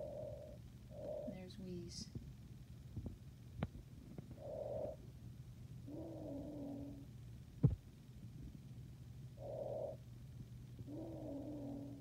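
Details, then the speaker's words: Normal breath sounds programmed on a simulator manikin via SimPad Plus, amplified to maximum volume: soft, regular inhale and exhale cycles with no added sounds. "lungs sounds up to normal once again this is amplified for video use normal breath sounds"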